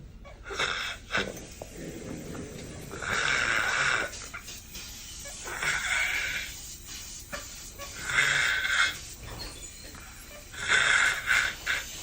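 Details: Man snoring while asleep on a coach during a bus trip in Europe: repeated harsh, snorting breaths, several in twelve seconds, over steady vehicle noise; loud snoring.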